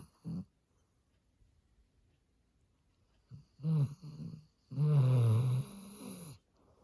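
Low rattling snores in a quiet room, a few breaths several seconds apart, the last one long and throaty; ordinary snoring in a sleeping dog.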